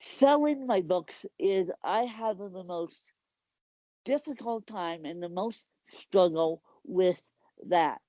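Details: Speech of an adult woman with cerebral palsy.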